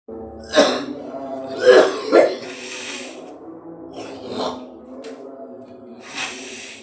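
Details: Adult during gurah herbal nasal therapy for sinusitis and cough: several harsh coughs and throat-clearing bursts over steady background music: cough.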